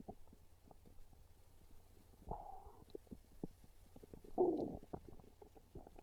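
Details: Low gurgling and rumbling with louder growl bursts from an adult's belly, described as real hungry stomach growls craving pizza; hunger borborygmi.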